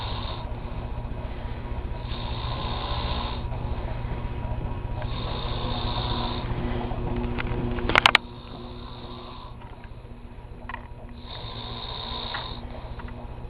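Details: Snoring of the speaker's sleeping friend: low, rough snoring breaths recurring every few seconds over steady room hum, with one sharp knock partway through.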